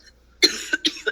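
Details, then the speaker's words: A woman's short, sharp cough burst followed by a second smaller cough; the speaker claims she always coughs when lying; brief cough. "she always coughs when she's lying it's her tell"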